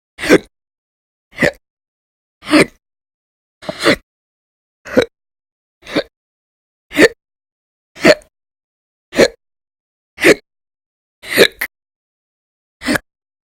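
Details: Persistent hiccups recorded audio-only in January 2020, described as violent, loud and silent; earlier bouts lasted roughly 2–13 hours a day in late December 2019. Twelve sharp, abrupt, nearly evenly spaced hiccups, about 54 a minute, silence between.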